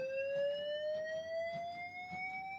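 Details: A manual defibrillator charges during a cardiac arrest scenario: defibrillator charging tone.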